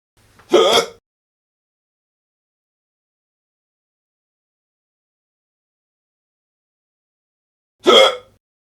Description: In this free to use sound clip, you will hear the sound of man with hiccups.